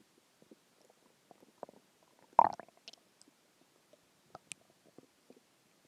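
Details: Stomach growling a few hours after a huge meal (cheeseburger, fries, three eggs, onion rings, cheese stick, chicken tenders): soft scattered gurgles with one louder bubbling gurgle midway, normal borborygmi after eating.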